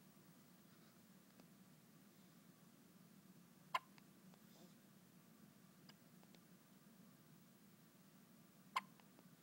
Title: first hiccups